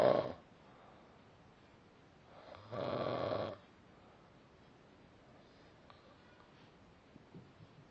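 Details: Person asleep, single rough, rattling inspiratory snore with quiet room noise between breaths; snoring.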